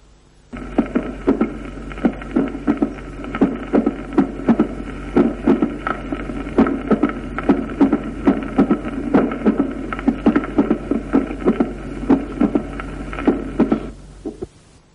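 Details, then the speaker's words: Mitral stenosis with atrial fibrillation: irregularly spaced heart sounds, each followed by a brief low rumbling diastolic murmur, shorter because irregular atrial contraction reduces transmitral turbulence. "En cambio, si hay fibrilación auricular, la contracción auricular es irregular y la turbulencia a través de la mitral disminuye. De ahí que el soplo es más corto."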